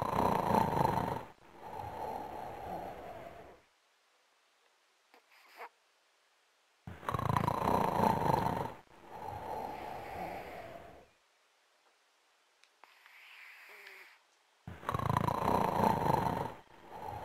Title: Callie the snoring cat